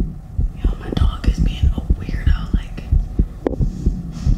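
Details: Heartbeat recorded after exercise: quick, strong thumping at roughly 100 beats a minute with whispering over it; a normal raised heart rate after exercise.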